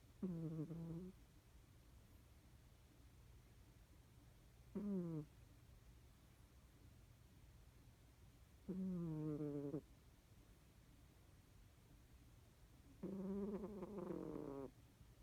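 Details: Snoring: soft, tonal snoring sounds recurring about 14 times a minute over a faint background hum.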